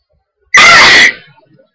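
A single loud, explosive sneeze in a quiet room, lasting about half a second. It is a hay fever sneeze.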